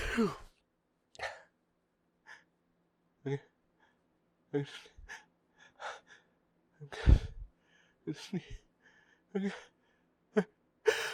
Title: More huge hitchy buildup sneezes (and failed attempt to talk and hold back)